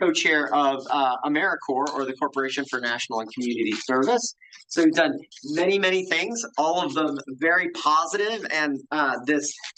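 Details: Adult speaker; normal voice.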